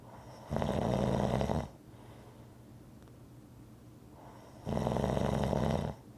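Two loud, low, rattling snores on breathing in, separated by a quiet pause, a slow sleep rhythm of snoring.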